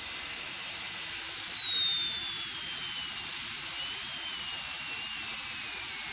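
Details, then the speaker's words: High-speed dental handpiece cutting a seized handpiece nut on a low-speed Midwest Shorty line on a delivery unit: steady high-pitched whine shifting in pitch as it loads cutting metal; handpiece running. "but this time I'm going to have to actually cut the nut. So I'm going to start cutting here."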